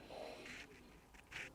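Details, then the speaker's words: Adult during an Alexander Technique lesson, in deep relaxation: brief watery, squeaky stomach gurgles; normal bowel sounds. "yeah do you hear that girdle in your tummy oh I wasn't aware of it so that's a sign of very deep relaxation often happens in an Alexander lesson"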